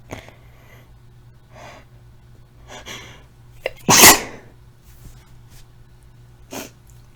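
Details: Adult with a scratchy, lost voice and tickly nose after several days of illness, deliberately inducing sneezes: a single forceful sneeze with a sharp catch of breath before it, between quieter breaths and sniffs.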